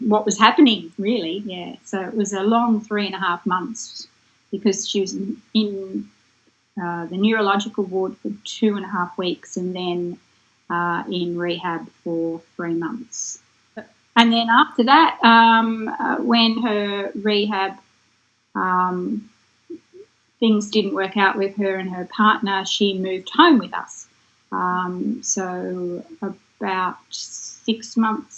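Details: Adult woman speaking; normal speech.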